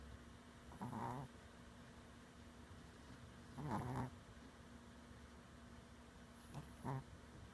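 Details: Snoring in a male sleeper: three soft rumbling snores, each about a third of a second long, repeating irregularly over steady low room hum.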